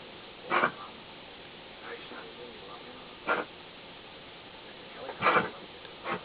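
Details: A dog gives four short, harsh coughing bursts and then gags, with quiet room noise between; cough with gagging.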